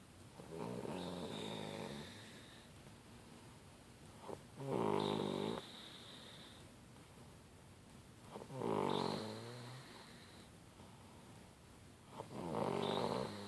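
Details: Girl snoring: three loud, buzzing, vibrating snores at regular intervals, about fifteen breaths a minute, quieter breathing between.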